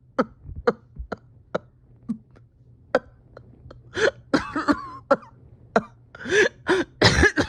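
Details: Harsh, strained cough in a person reporting a tight chest and steady oxygen levels after a rough weekend; repeated short coughs and throat clearing building into harsher coughing bursts; painful coughing.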